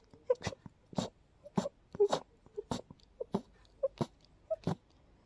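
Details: Rapid run of about seven short, sharp sneezes, each with a faint catch of breath first, induced by deliberately smelling daisies in a person who is extremely allergic to daisies.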